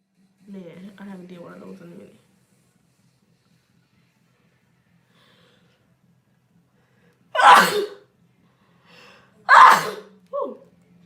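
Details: Two sharp, explosive sneezes, each preceded by a quick inhaled gasp, with brief talking at the start: ordinary sneezing.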